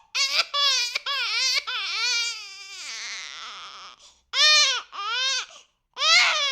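An infant cries loudly in repeated high-pitched wails, one long wavering cry among shorter bursts.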